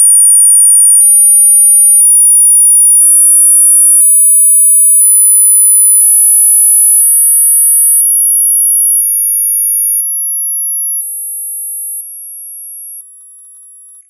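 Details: Hearing test: very high, faint pure tones rising in steps; claimed age thresholds 19000Hz under 20, 18000Hz under 23, 17000Hz under 25, 16000Hz under 30, 15000Hz under 40, 12000Hz under 50 years.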